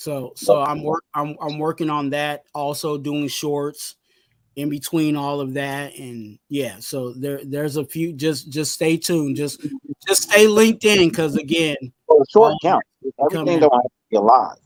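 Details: Stuttering in an adult male, very severe in childhood and now milder, with some still audible in his current speech.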